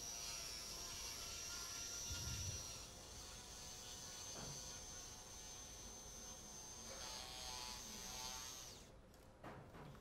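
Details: Soft steady high-pitched motor buzz with faint room noise, stopping near the end: arthroscopic burr in reverse mode polishing glenoid bone in Bankart repair of a 30-year-old male's left shoulder with recurrent dislocation.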